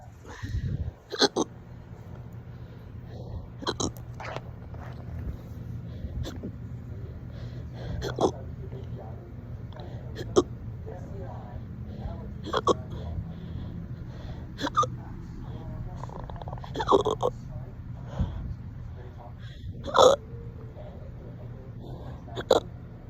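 Repeated short, sharp hiccup sounds, about ten in 23 seconds, over a low steady hum.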